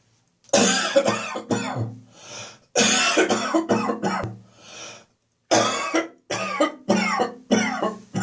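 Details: Winter-morning catarrh: three bouts of loud, harsh, voiced coughs, about a dozen in all, with noisy in-breaths between. This is a chesty, productive catarrhal cough with throat clearing.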